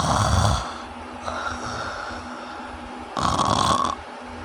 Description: obstructive sleep apnea sounds like this